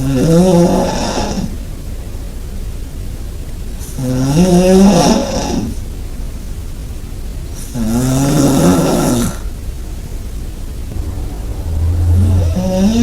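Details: Person's own snoring recorded about 20 cm away in a shared bed: loud, low rattling snores on each inhalation, about 15 breaths a minute, quieter exhalations between; heavy snoring.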